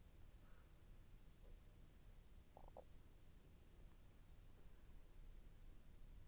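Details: Stomach growling during digestion, intestine moving and slightly painful: low rumbling with a few brief gurgles over faint background noise; normal bowel sounds.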